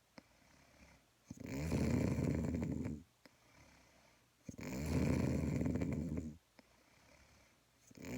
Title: #snoring